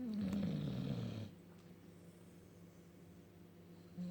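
One loud, rumbling snore lasting about a second, then quiet breathing. Ordinary dog snoring.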